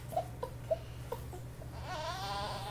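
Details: Infant lying on the tummy during tummy time: a few soft grunts, then a rising, wavering cry begins over a low room hum; infant cry.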